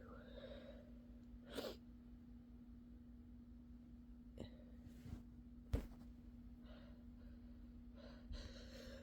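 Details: Several soft, subdued, tired sneezes from a sleepy person, faint breaths between them over a steady low electrical hum; sneezing.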